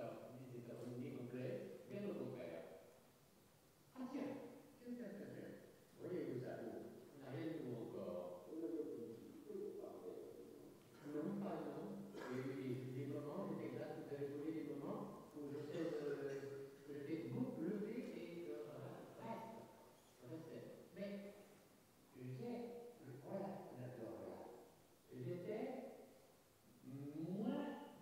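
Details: Spectacular case of fluent Wernicke's aphasia in a real male patient with anosognosia: massive phonemic paraphasias and noun substitutions, with articulation and syntax largely preserved. Finding: Wernicke's aphasia (jargon aphasia).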